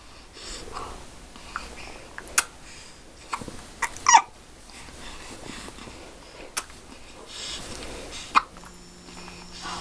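Brief, sharp, involuntary catches about every two seconds against quiet room noise, typical of hiccups.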